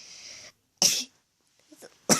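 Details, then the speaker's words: Adult sneezing: a faint hiss gives way to a sharp, explosive burst of air, with a brief faint sound and a second burst starting at the end. "Even my mom sneezed. I don't know if you guys could hear that."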